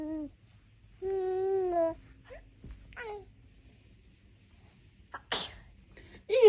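A baby's sung vowels and babble, then a sharp sneeze burst; soft music and adult voice faintly behind.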